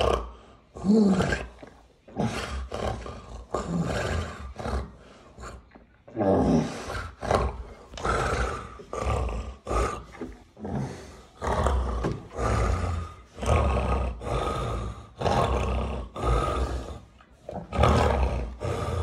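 Loud, rhythmic, rasping groans and snorting breaths, about 20 a minute, fitting stertorous breathing during or just after a tonic-clonic seizure.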